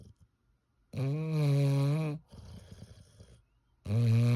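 Loud, rough, buzzing snores on each breath with a quieter snuffling breath between, typical of a flat-faced dog's noisy sleep breathing.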